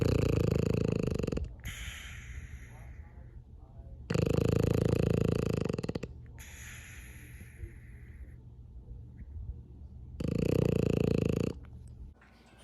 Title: Sleeping frenchie, snoring frenchie.